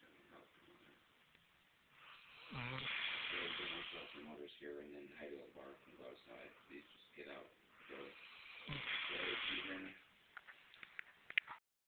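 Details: Snoring while asleep: two rasping, buzzy snores on the in-breath with a rattling out-breath between them; the recording sounds thin and muffled.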